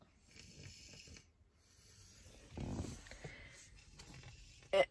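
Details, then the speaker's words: Sleeping young child (one of two aged 5 and 6) asleep in the car, soft rough snore rising briefly above steady car and road noise; snoring. "every single day they decide to fall asleep but yeah my poor babies you can even hear them snore"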